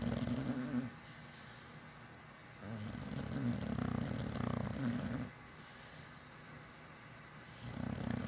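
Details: Red nose pitbull asleep and snoring: steady low rumbling snores on each breath, two long snores about four seconds apart, with quieter breathing between them.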